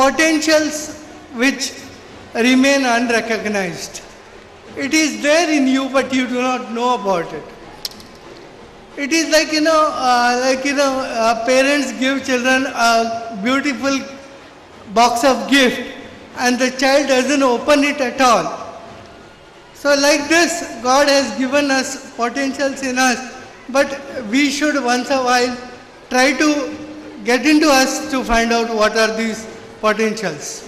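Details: Adult man with severe cerebral palsy since birth, considered 100% disabled, who could not walk or talk as a child; finding: dysarthria due to cerebral palsy.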